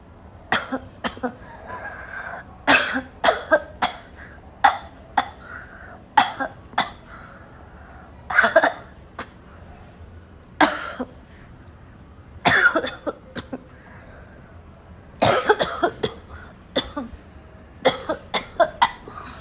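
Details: Coughing fit: repeated clusters of harsh, barking coughs over about 20 seconds, roughly ten bouts with short pauses between, some with a choking quality.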